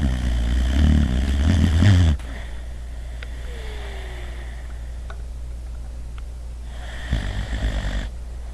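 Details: Boxer dog asleep on a couch after a long day of running and playing: deep, loud rumbling snores in two bursts separated by quieter breathing, over low background hum; snoring.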